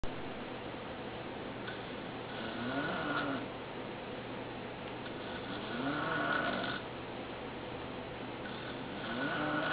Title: Dad Snoring